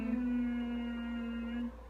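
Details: Tense, back-focused humming with tightly pursed lips during resonant voice therapy, not the desired forward focus; client being treated for vocal hyperfunction (vocal hyperfunction)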